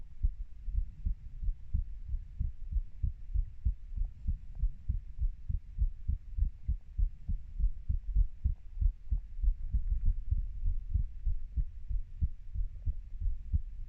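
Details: Heartbeat of a 30-year-old: steady, low, muffled beats about 95–100 per minute with a faint hum behind; regular rhythm.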